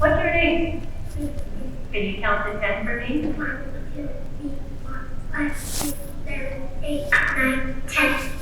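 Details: Raspy voice of a child counting to ten, recorded before dietary changes; a pediatric ENT surgeon links the hoarseness to inflammation and says it improved after cutting out sugary drinks, without medication. Finding: hoarseness in a child.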